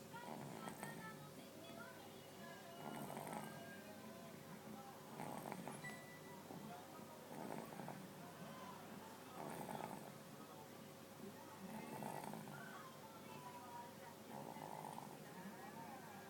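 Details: Animal fallen asleep during a meal: soft, slow snoring, about 26 breaths a minute, with faint steady hum and background noise; snoring.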